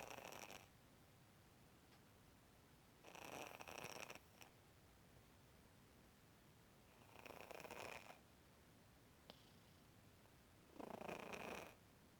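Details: Tortoiseshell cat born 2003 with rhinitis, sleeping soundly after a vet visit: four noisy breath sounds about every four seconds, roughly fifteen a minute, in a quiet room; snoring.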